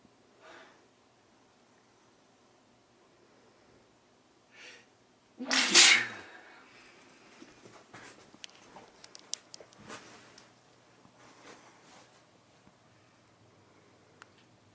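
A single loud, explosive sneeze burst, followed by quieter rustling and small clicks in a small room.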